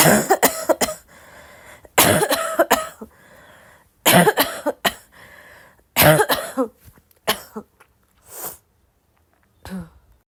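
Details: Non-stop coughing: repeated bouts of harsh coughs, each cluster followed by a noisy drawn-in breath, continuing almost without pause.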